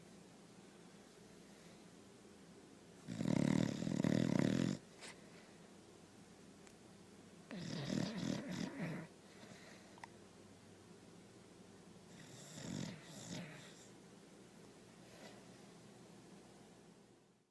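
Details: Three rough, rumbling snores on slow breaths over seventeen seconds, fading toward the end. Snoring during sleep.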